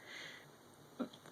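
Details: Hiccups in a person talking to camera, recorded on an Android phone; hiccup.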